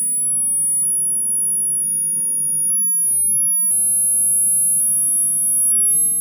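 Very high, thin steady tones over low room hum, played as a classroom hearing test.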